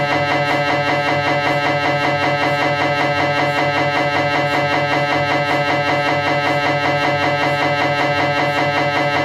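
Loud continuous rhythmic buzzing and knocking, repeating about once a second; an MRI scanner running a scan sequence.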